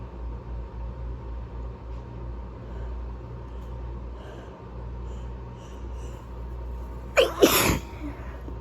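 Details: Person who is sick, during a sneezing fit: low room rumble, then one forceful sneeze with a sharp explosive burst near the end; sneeze.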